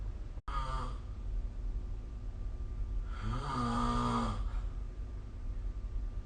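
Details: Snoring during sleep recorded with the SnoreLab phone app: a long, low, rumbling breath with droning vibration between quieter stretches of breathing.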